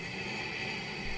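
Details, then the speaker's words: CPAP machine for sleep apnea: steady whooshing hiss of air blowing, no pauses or cycles in this short stretch; CPAP machine sound. "that's the sound of a CPAP about half of the people who are prescribed to CPAP and don't like it and don't use it"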